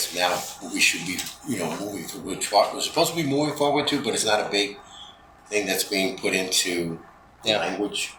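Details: Adult man with spasmodic dysphonia, which he calls basically localized epilepsy; he links his voice problem to his ski-industry years and a cliff fall at the U.S. Extreme Ski Championships that left his throat 'gunked up'; spasmodic dysphonia.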